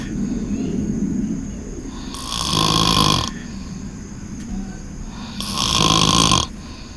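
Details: Two long, loud, rattling snores about a second each with a quieter breath between, over steady room noise, from a deeply asleep man; onlooker attributes it to Xanax; loud snoring.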